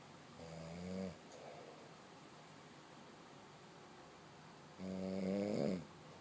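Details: Snoring: two low, rattling snores about four seconds apart, separated by quiet breathing, in a quiet room.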